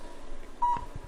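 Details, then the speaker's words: Steady single electronic beep over quiet room noise from a low-level laser therapy unit while switched on, treating plantar fasciitis along the plantar fascia of the foot; painless session lasting about 4.5–5 minutes; therapy laser device beep. "Beautiful thing about this technique is you can hear the machine beeping. We know it's on."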